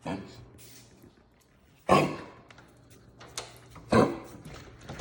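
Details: Dog named Biscuit with two sharp, forceful coughs about two seconds apart and fainter sounds between them indoors; coughing stops as soon as he is put out the back door, cause unknown.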